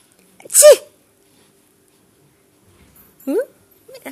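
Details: Mother sneezes near her baby, who smiles: a single sharp, explosive sneeze in a quiet room, then soft baby sounds; ordinary sneeze.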